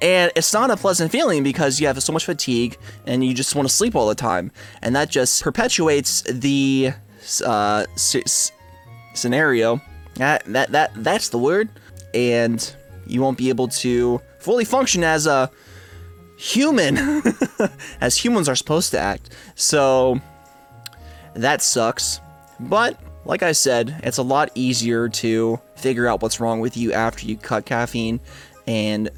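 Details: Adult male with a stutter and speech impediment since about second grade; he reports that quitting caffeine helped it by reducing his anxiety. Stuttering.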